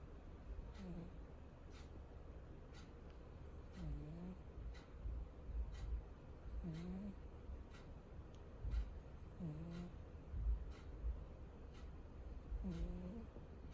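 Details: A sleeping cat snoring with soft, low, slightly whistling breaths about every three seconds while a clock ticks nearby.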